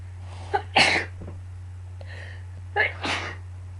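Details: Person who is sick with an illness sneezing: two sneezes, each a quick intake then a sharp burst, over a steady low room hum.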